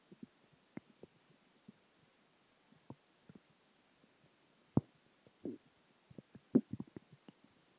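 Irregular low gurgles and bubbling pops over a quiet background: ordinary stomach growling from digestion of food, water and gas.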